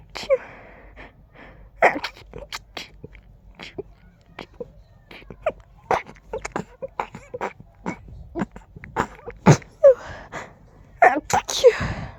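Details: Allergy flare: rapid run of stifled, muffled sneezes with quick catching breaths, nearly one per breath; sneezing fit.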